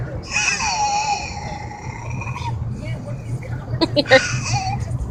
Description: My baby makes a weird gasping sound to let me know she's in need of a diaper change, she does it 40 seconds in... and it's only when she poops.